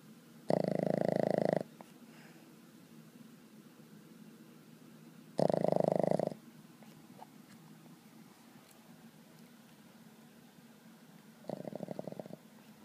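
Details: Boston Terrier asleep, taking a nap: two loud, rattling snores about five seconds apart, then a softer fluttering one, in a quiet room; snoring in a sleeping dog.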